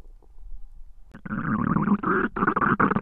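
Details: Noisy stomach growling, recorded as digestion sounds rather than hunger sounds: a loud gurgling, bubbling growl from the belly lasting about two seconds; normal bowel sounds.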